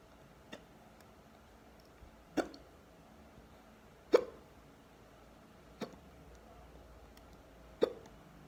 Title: Deep hiccups